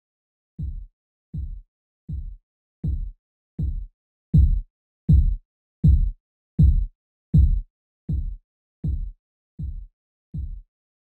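Simulated Korotkoff sounds: regular low thumps about 80 a minute, swelling then fading as the cuff deflates.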